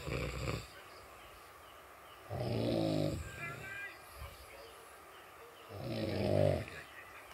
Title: Ngorok vs Ngorok, Mana yang Lebih Nyaring Suaranya